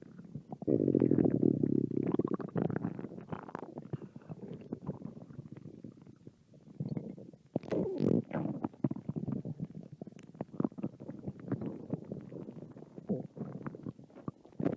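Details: Two hungry American women's stomach growling: long gurgling growls and bubbling rumbles from the belly, loud sustained growl at the start; hunger-related bowel sounds.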